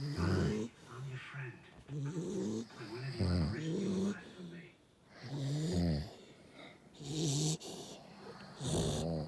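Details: Loud snoring, from either an American Bully dog (Prince) or a man: loud, low, rumbling snores in slow repeated cycles, about 17 a minute, with snorting breaths. Snoring.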